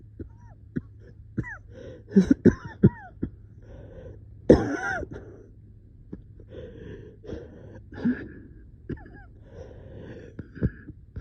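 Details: Coughing fit at 3am with shortness of breath: scattered coughs and throat clearing with strained, whistling noisy breaths between, over a low room hum.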